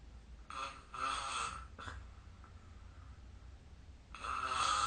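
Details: Snoring during sleep recorded on 2025/03/26: several rough, rattling snoring breaths, with a quiet pause before a final loud snore.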